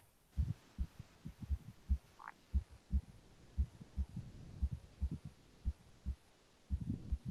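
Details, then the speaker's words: Recorded normal heart sounds played in a cardiology teaching seminar: a steady, regular lub-dub at about 60 beats a minute with no extra sounds. Normal first and second heart sounds. "so uh so uh those uh that was the you know the normal heart sound"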